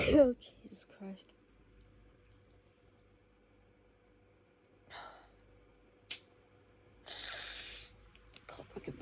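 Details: Woken in the early hours by an intense fit of rapid, hitchy sneezes that kept coming: several sharp, explosive sneezes with catching breaths between them in a quiet room; sneezing fit.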